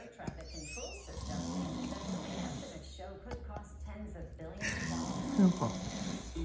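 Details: Adult man (dog's owner) snoring loudly during a nap, rough rumbles that woke a Pomsky dog, with a woman's voice and dog sounds in the room.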